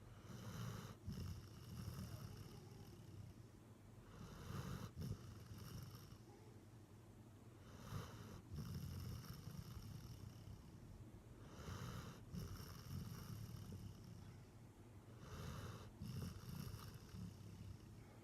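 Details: Labrador dog snoring on the couch after a morning walk: quiet, low rumbling snores in a steady rhythm, about 16 breaths a minute.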